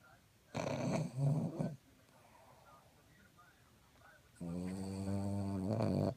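Two loud, low, rattling, partly buzzing breath sounds separated by a quiet pause: snoring.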